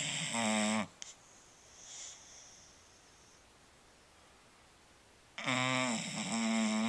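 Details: Marshall, a Bulldog, sleeping and snoring: two loud, buzzy snores about five seconds apart with near silence between.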